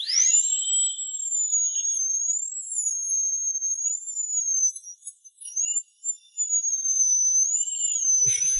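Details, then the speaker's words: High-speed dental drill splitting an impacted wisdom tooth in half during extraction, patient feeling vibration but no pain: sustained very high-pitched whine wavering slightly in pitch. "you don’t feel any pain, But you can hear the sound of a power drill. You can still feel the vibration of the electric drill."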